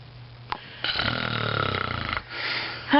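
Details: Sleeping adult, whose partner then asks them to roll over: a single long, rattling, voiced snore lasting over a second, followed by a softer breath, snoring.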